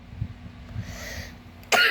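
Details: Persistent nagging cough that won't stop; faint low rumbles followed by a single short, sharp, dry cough burst.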